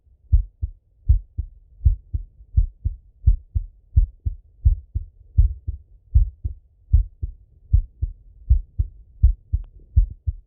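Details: Male heart auscultation through a stethoscope, recorded either sitting at a desk or lying in bed: clear, crisp, evenly spaced lub-dub heart sounds at about 80 beats a minute; normal heart sounds.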